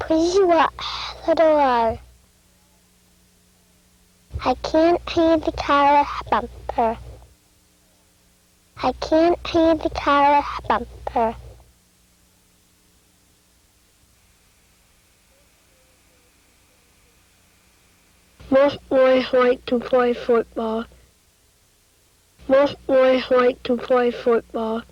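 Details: Patient with a repaired cleft palate using pharyngeal fricatives while reading sentences.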